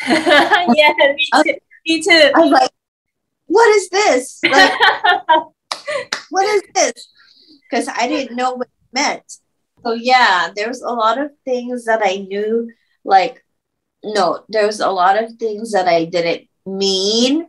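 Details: Woman who had a stroke at age 24, about 10 years earlier, speaking with word-finding difficulty; aphasia.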